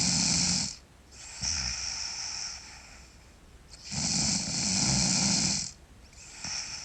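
Loud, harsh snoring on each in-breath with quieter out-breaths between, about two full cycles in seven seconds.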